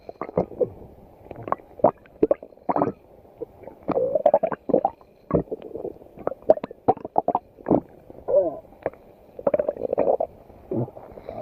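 Irregular bursts of gurgling, squelching and low rumbling with short quiet gaps, typical of ordinary stomach growling (borborygmi).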